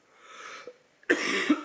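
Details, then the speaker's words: A child, one of a family who are ill, gives a short, somewhat muffled cough burst with a second push at its end after a faint breathy lead-in, amid quiet room noise; plain cough. "Attends. C'est moi qui tousse. T'entends pas, Aaron?"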